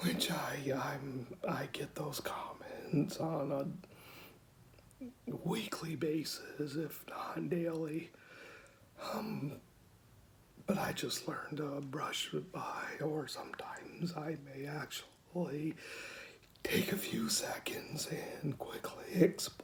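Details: 49-year-old man, diagnosed at 35 in 2004 with rare mixed adductor/abductor spasmodic dysphonia, self-described somewhat severe; Botox injections do not last long and he really needs his next one; a normal day for him.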